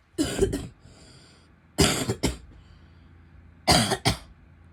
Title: coughing and some spitting (f)